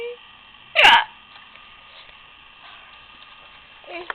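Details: Person with hiccups: one short, sharp hiccup in a quiet room, with faint voice sounds at the end.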